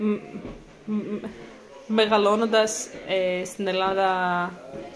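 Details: Stuttering in a Greek-speaking person, onset in childhood around age 4, speech therapy at about ages 4–6, with repeated syllables; stuttering.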